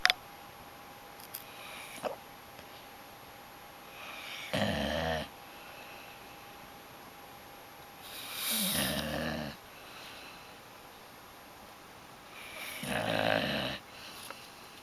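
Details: Adult woman snoring: three rough, rattling snores about every four seconds, roughly 14 breaths a minute, with quiet room noise.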